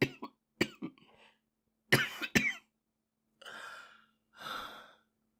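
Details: Japanese boy coughing: six short, sharp coughs in quick pairs and clusters, then two drawn-out breaths; repeated dry-sounding cough.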